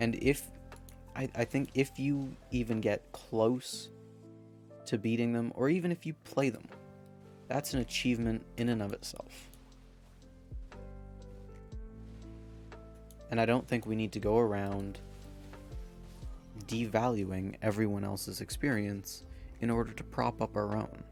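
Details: Man who says his stutter is part of him; stuttering.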